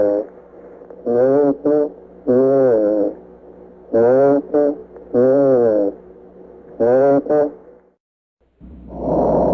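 Recurring musical, whistling sounds with each breath, rising and falling in pitch; wheezes from narrowed airways.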